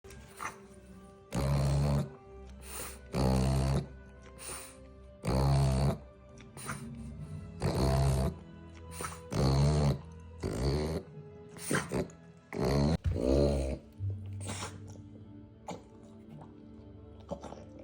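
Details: French bulldog puppy making repeated loud, honking snorts in quick bouts over background music: reverse sneezing.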